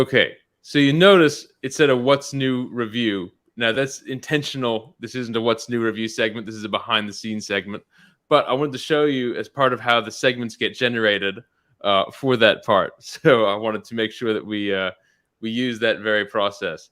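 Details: Adult male speaker; Normal speech.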